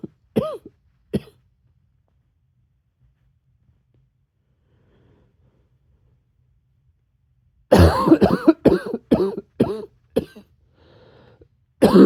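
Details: Cough: two short coughs, a long quiet pause, then a rapid run of about six coughs and one more, turning a little barky at the end.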